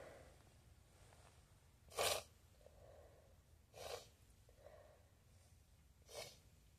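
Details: Sneezing from a new feather pillow, nose apparently reacting to it, staged scenario: three short, sharp, muffled soft bursts of air in a quiet room, consistent with sneezes.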